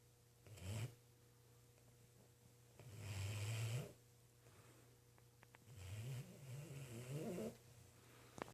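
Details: Low, rumbling, rough vibrating snores from a sleeping cat, about three breaths in eight seconds, with a faint steady hum in the background.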